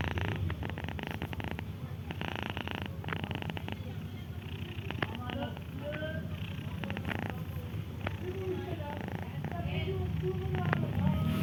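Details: Ginger cat with a cold, already given medicine, sleeping: a continuous low rattling purr-like snore with small high whistling squeaks, consistent with congested nasal breathing; snoring.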